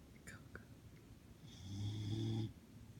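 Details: One low, rattling snore on an in-breath, about a second long, against quiet room noise; snoring.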